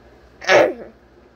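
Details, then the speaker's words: One short, harsh cough burst from a sick adult, recorded while doing makeup, with faint room noise. "I didn't want you to hear my nasty cough because I'm sick like I said in part one"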